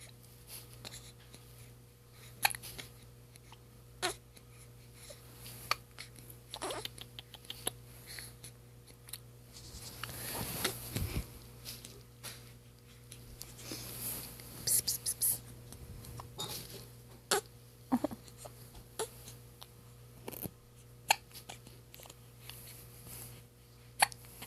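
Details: Soft, sharp hiccup clicks repeating about every one to two seconds over steady room hum in a 2-week-2-day-old newborn: hiccups.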